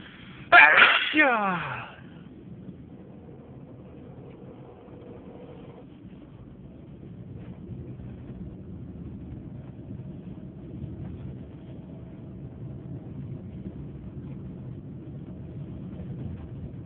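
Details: Induced loud sneeze, one of a variety of induced loud and stifled sneezes: one loud, forceful sneeze, then a long stretch of low background rumble; an ordinary sneeze.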